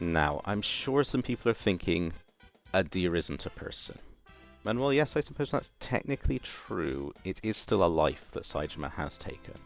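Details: Adult male narrator; Normal voice.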